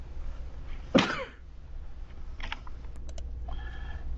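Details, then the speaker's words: Adult gives one sharp, explosive sneeze during a recorded lecture, followed by soft keyboard-like clicks over a low steady room hum. "Please pardon my coughing and my sneezing. I tried to put this recording on hold before I sneezed just then, but I didn't quite make it."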